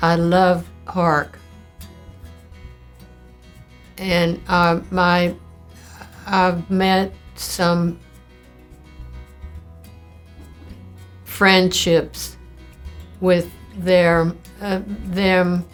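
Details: Older woman, aged about 76 when recorded in March 2019, about a year into a 5-year-8-month course of primary progressive aphasia, a neurodegenerative disease; she has word-finding difficulty with pauses; primary progressive aphasia.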